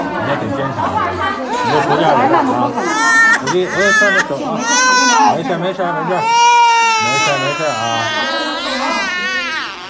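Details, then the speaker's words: Baby crying after an injection in hospital: loud, sustained crying with long wails and short catches of breath, a pain cry. "Oh he is crying so badly"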